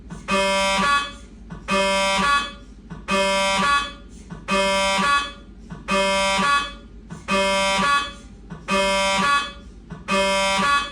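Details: Siemens MAGNETOM Lumina 3 T MRI scanner running an abdominal exam: loud rhythmic buzzing tones, about eight bursts repeating roughly every 1.4 seconds, sounding like a HASTE sequence; MRI scanner noise.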